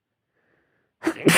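Near silence, then a single abrupt explosive burst of air: one sneeze.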